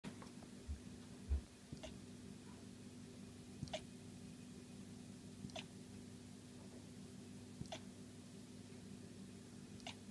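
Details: A 14-week-old Golden Retriever puppy with hiccups: soft, sharp hiccup clicks about every two seconds, roughly 30 a minute, over a low room hum; puppy hiccups.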